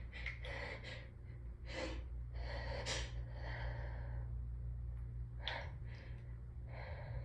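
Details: Hay fever sneezing, nose raw from rubbing: repeated catching in-breaths and hitching sneezes over a low hum; the deep snorting is a sneeze forced out of nose and mouth at once, like a honking nose blow.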